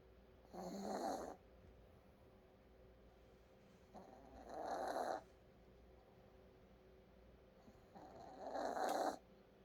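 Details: Snoring during sleep: three soft rhythmic snores, about 15 per minute, each a buzzing breath with a faint whistle, in a quiet room.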